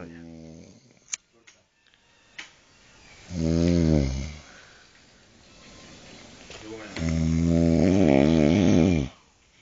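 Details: Loud, buzzing, vibrating snores with quiet gaps and a few clicks from a man asleep sitting in a chair, head hanging down, around 5 a.m. after vomiting.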